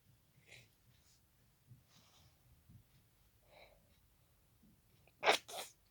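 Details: Hay fever sneezing fit into tissues after pollen exposure: quiet congested sniffles and breaths, then two sharp sneezes at the end; congested sneezing.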